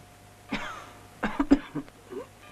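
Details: Acted cough by an actress in an Italian-language scene, with dialogue urging her to keep coughing and breathe deeply.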